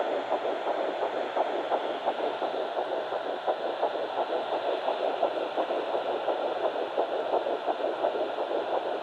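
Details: Fetal Doppler at 9 weeks 6 days, Baby A found on mother's left side after days of searching: rapid whooshing pulses about 170 beats a minute over steady hiss, early fetal heartbeat.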